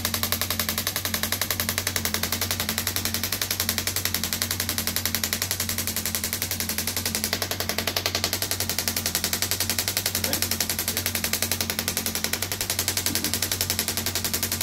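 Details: A radial shockwave therapy device treating an arm wrestler's triceps, raised as he sits forward: continuous, regular clacking pulses over a droning hum.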